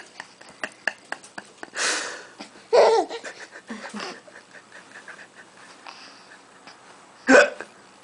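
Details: Young child laughing at an adult's fake hiccups: a run of short, sharp, hiccup-like catches, then a few bursts of child laughter.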